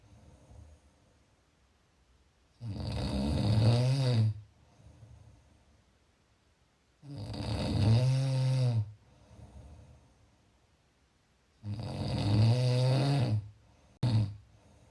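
Loud, low rattling snores on each breath in, about 13 breaths a minute, with quiet pauses between; ordinary snoring in a small room.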